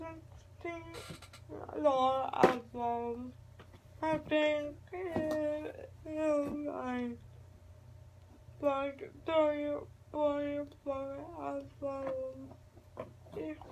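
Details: Adult speaker; dysarthric speech (cerebral palsy).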